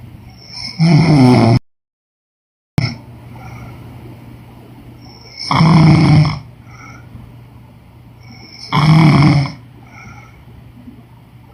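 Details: Woman snoring: three loud, rough, rumbling snores on breathing in, about every four seconds, over a steady low hum; ordinary snoring.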